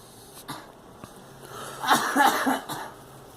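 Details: A girl coughing: a soft click or two in a quiet room, then a short cluster of voiced, somewhat harsh coughs.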